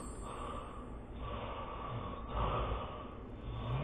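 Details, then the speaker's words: Adult with enlarged tonsils, recorded during overnight polysomnography: loud, rough snoring with snorting gasps and breathlessness; severe obstructive sleep apnoea, apnoea index 60. "숨이 차고 코고리 굉장히 심하네요"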